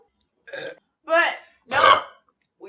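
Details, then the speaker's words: A woman in a bikini, after drinking soda, gives three short voiced burps, each louder and longer than the last, separated by silence: belching. "I need a couple more burps."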